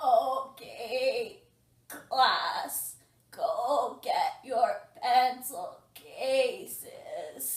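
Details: Acted demonstration of a teacher with a voice disorder addressing a class: voice breaks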